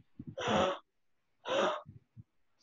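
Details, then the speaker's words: Inspiratory stridor: two harsh, high-pitched crowing sounds on breathing in, from a narrowed larynx or upper trachea. "so Strider is basically high-pitched sound and usually in spirit ring so usually you will have a sound like this"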